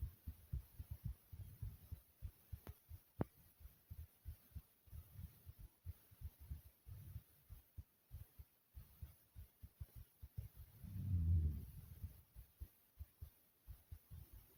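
Rhythmic, muffled low heart thumps repeat steadily, with a brief louder rumble near the end.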